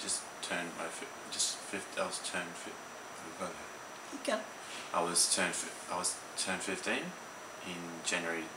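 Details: Aphasia in a young male ischemic stroke survivor who had the stroke as a teenager; hesitant speech with repetitions.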